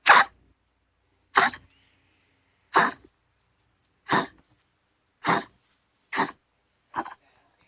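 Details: Female Pomeranian with chronic cough for 10 days, all day with breaks in sleep; vets excluded heart disease, pneumonia, tracheal collapse, doubt kennel cough; on Benadryl, hydrocodone/homatropine syrup and doxycycline; seven short, dry, harsh coughs about a second apart.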